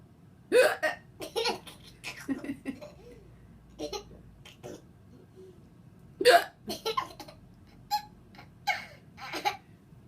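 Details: A laughing child gets hiccups: sharp, abrupt catches mixed with bursts of laughter, about ten in ten seconds; hiccups.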